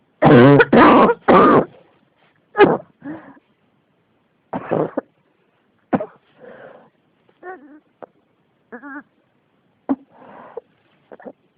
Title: 咳が止まらない 42 cough